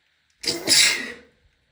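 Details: Female sneezing fit: a single sharp sneeze, short intake then hissing burst of air, in a small quiet room.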